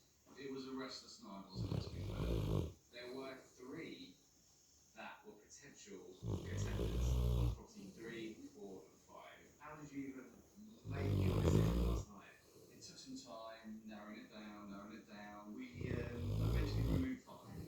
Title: loud snoring dog 🐕 🐶